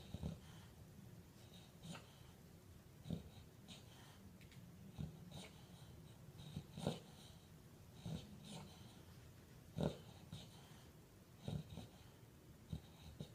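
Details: Female Olde Boston Bulldogge sleeping with eyes wide open and twitching, snoring: low rumbling breaths with irregular snorting bursts, about 35 a minute.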